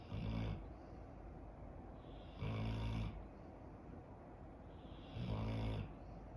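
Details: Elderly 11-year-old female dog snoring on a hot day: loud, low rattling snores, about three in six seconds, over background waves and birdsong.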